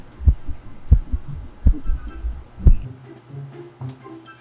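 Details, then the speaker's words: Deep, muffled heartbeat thumps of a dog at a vet visit, heard through a stethoscope, about 75 beats a minute; heartbeat. "Vet/ Do you want to hear Choco’s heart? First time listening to Choco’s heart beat (So this is what Choco’s heart sounds like..) You can hear it loudly, right?"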